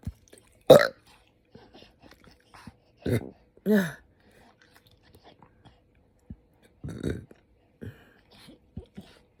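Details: Adult woman after eating too much spicy food, with an upset GI system and hiccups and burps at the same time. A few short belches with small hiccup-like catches between them.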